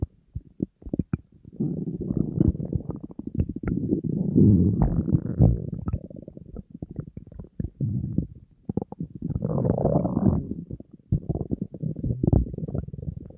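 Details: Person on a diet, very hungry, with an empty stomach: continuous low rumbling and gurgling with rapid irregular bubbling pops, ordinary hunger stomach growling (borborygmi).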